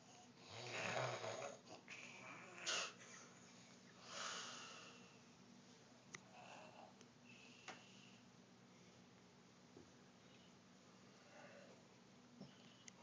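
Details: Irregular rasping snores with noisy breaths in a quiet room, fading to softer breathing.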